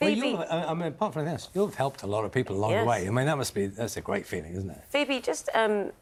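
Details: Adult presenter speaking; fluent speech.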